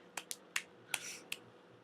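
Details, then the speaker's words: Person with tics, OCD and ASD, off medication (including guanfacine) for about two months with worsening tics, shows a new finger-snapping motor tic that hurts the fingers. "um i've picked up snapping hmm that makes my fingers hurt and i do"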